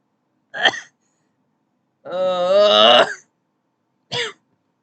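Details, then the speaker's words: An adult who has felt sick for a few days (suspects allergies), with earlier throat symptoms and sneezing, gives two short, harsh, crunchy-sounding coughs with a drawn-out voiced throat-clearing groan between them. "first it was a sword throw then it was a lot of crispy coughs and then it was me projectile sneezing on everything it it"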